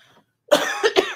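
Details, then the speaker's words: A person says their cough will not go away, then gives three harsh, wet-sounding cough bursts in quick succession after a brief silence: a persistent cough. "Oh, my cough will not go away."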